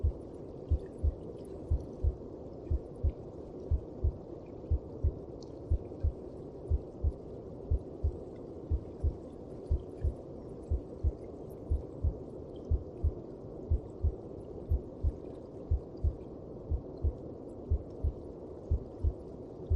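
Steady, muffled low thumps at about 60 beats a minute over a soft whooshing background: a regular heartbeat as heard from inside the womb.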